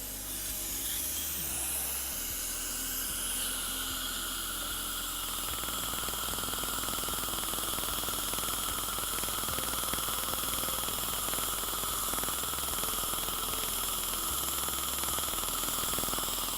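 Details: Rapid steady tapping, about four per second, over a hiss of spray and suction: a cool dental laser firing in bursts during removal of a cavity near the gum line, after power was lowered for cold sensitivity.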